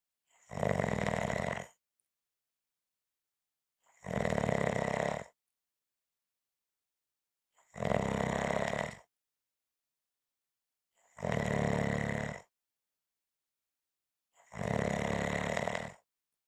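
Loud, harsh rattling snores on each breath in, five in about sixteen seconds, roughly 18 breaths a minute, with silence between.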